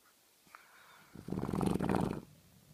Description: snoring!